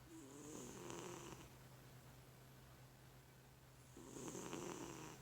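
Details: Two rough, fluttering snores a few seconds apart over a steady low room hum; snoring.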